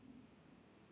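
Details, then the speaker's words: An audible stomach growl: a soft, low gurgling rumble rising briefly then fading against quiet room noise (borborygmi). "right you guys see my stomach growling oh my God it's so embarrassing"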